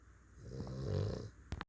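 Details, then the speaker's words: Sleeping pets snoring on their owner's lap: a single low, rumbling snore on the in-breath, followed by a couple of brief clicks. "listen to my boys they're snoring hear him my boys he's sleeping"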